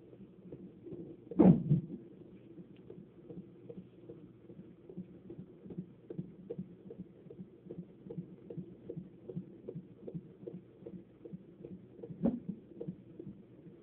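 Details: Fetal heartbeat on Doppler: rapid, regular whooshing beats at about 150/min, a normal rate.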